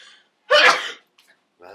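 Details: Single loud, explosive sneeze with a sharp burst of air, provoked by tickling the nose with a tissue during a sneezing challenge.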